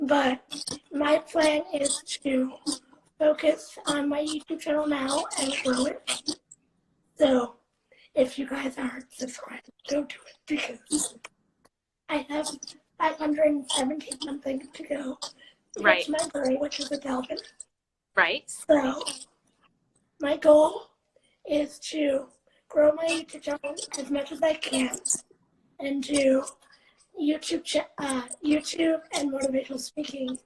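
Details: Dysarthria in a 17-year-old female living with cerebral palsy, recorded in a real live interview.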